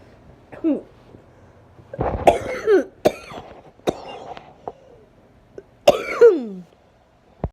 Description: Noseblowing dry and coughing sick